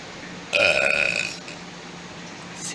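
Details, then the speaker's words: Burping after eating a bunch of cookies: one loud, drawn-out voiced belch lasting nearly a second, then quiet room noise. "Oh, that was nothing. Oh, I got another good burp coming."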